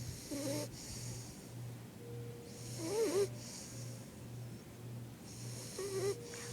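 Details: Sleeping pet dog: soft, irregular snorts and whistling breaths over a steady low hum; snoring.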